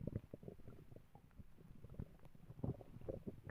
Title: My stomach growling